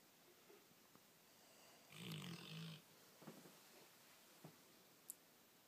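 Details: A sleepy subject gives one short, quiet, buzzing snore with a few small clicks against faint room noise; light snoring during sleep.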